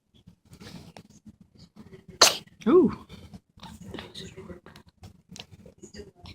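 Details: One sharp sneeze with a short vocal tail, amid quiet household talk and small noises; an ordinary sneeze.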